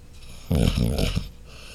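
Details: Sleeping dog snoring: a single loud, rough, rattling breath sound.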